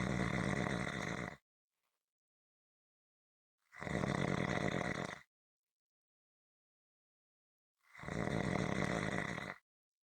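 Loud, rough snores on each breath in, about 4 seconds apart with silent pauses between, a steady rhythmic snoring pattern.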